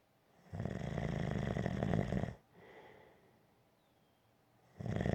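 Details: Low, rumbling snores on breathing in, with a quieter breath out between; gentle, ordinary snoring.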